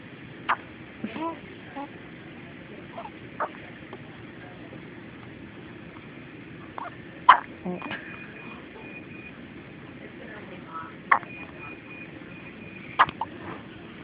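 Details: Hiccups: brief, sharp hiccup sounds at irregular intervals, about five or six over fourteen seconds, with faint room noise in between.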